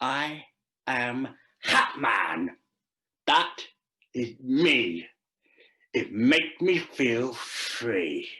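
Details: Deaf adult male actor reading a scripted story aloud; deaf speech.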